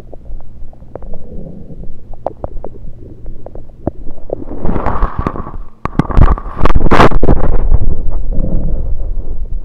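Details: Abdomen recorded with a USB electronic stethoscope, not during digestion, only liquids taken beforehand: low rumbling and bubbling gurgles with scattered clicks building to a loud gurgling surge; active bowel sounds.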